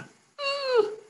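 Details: A half-second, high-pitched whining breath noise, a human imitation of the inspiratory stridor of canine laryngeal paralysis, made while viewing laryngoscopy of a dog's fluttering vocal cords under doxapram.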